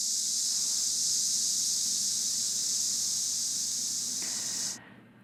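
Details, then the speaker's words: Steady, high-pitched buzzing hiss like cicadas: a simulation of sensorineural tinnitus caused by hearing loss, one of several tinnitus sound types (beeping, waterfall, strong wind, cicada) heard only by the patient. "KBS 마스코트 제 친구 케빗 있니다 언제나 웃던 케빗 그런데 어느 날부터 케빗 얼굴에서 웃음이 사라졌습니다 이명이 생겼기 때문인데요 삐하는 소리 폭포소리 거센 바람소리 매미"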